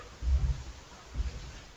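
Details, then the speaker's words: Two brief, muffled gasps imitating agonal breathing in a first-aid demonstration: occasional gasps about every 10 seconds that are not real breathing. "every 10 seconds or so that is what we call agal breathing it's not breathing"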